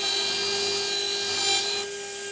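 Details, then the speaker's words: Dental implant drill, 1.6 mm drill cutting an osteotomy in the anterior mandible of a practice jaw model for narrow-diameter over-denture implants: steady high-pitched whine with rasping, grinding edge. "next step is i take my 1.6 millimeter drill the 1.6 millimeter drill at philosteotomy"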